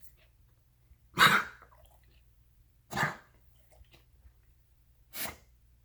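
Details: Dog Bishop coughing at 4 am, first round: three short, harsh coughing bursts about two seconds apart against a quiet room hum.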